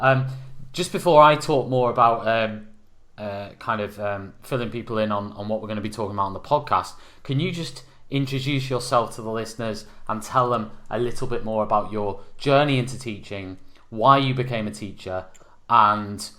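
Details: Adult male speaker; Normal fluent speech.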